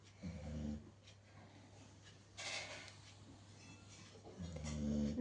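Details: Two low, rumbling, fluttering snores about four seconds apart, with a softer airy breath between them and a faint steady hum behind; snoring.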